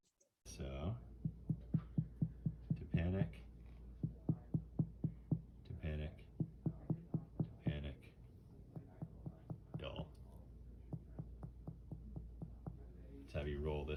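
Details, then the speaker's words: Shifting dullness on abdominal percussion of a woman with a distended abdomen: sharp percussion taps shift between hollow and duller notes as she is rolled, indicating ascites. "so that's shifting dullness great so the we have shifting dullness which indicates the presence of a city"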